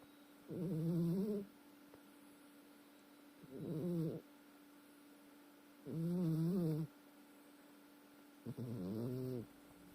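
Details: Loud rattling snoring, compared to a steam locomotive: four slow, loud breaths at about 23 a minute against a quiet room.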